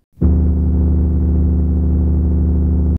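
A steady, deep droning hum with no breaks, a simulated low-rumble form of tinnitus.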